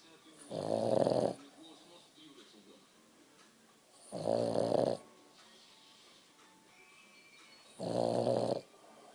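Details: Dog snoring: three loud, rough, buzzing snores, each about a second, every three to four seconds with quiet breathing between; ordinary snoring.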